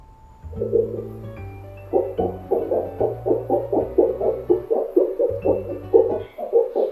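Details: Simulated fetal heartbeat from the Doppler probe (FHR1) of a Contec 800G CTG fetal monitor in a demonstration: rapid, rhythmic whooshing pulses over background music.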